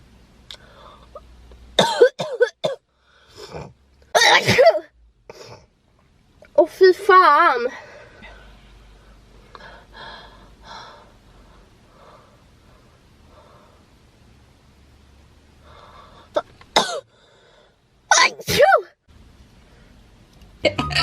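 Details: Several sharp, explosive sneezes in quiet stretches with brief voices between, from girls during Covid-19 nasal swab tests; sneezes set off by twisting the nasal swab.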